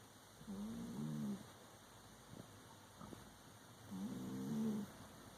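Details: Sleeping cat gives two low, buzzing, rattly snores about 3.5 seconds apart, with quiet breathing between and faint room hum; ordinary snoring.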